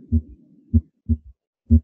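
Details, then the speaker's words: Third heart sound (S3 gallop) on a Harvey cardiology patient simulator, heard at the apex with the bell of the stethoscope: a low-pitched heartbeat with a soft, dull, low-frequency extra thud just after the second sound. "hopefully you're all able to hear that low frequency extra heart sound the third heart sound"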